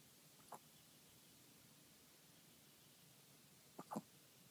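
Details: 5-year-old dog with hiccups at 6 AM while trying to sleep: three soft, abrupt gulping sounds, one early and two close together a few seconds later.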